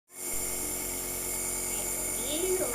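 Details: Nebulizer compressor running during a nebulization session for cough and cold: steady, loud mechanical hum with hissing airflow, faint voices in the background.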